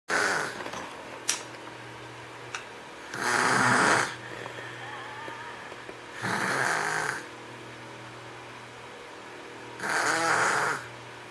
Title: snoring 005.MOV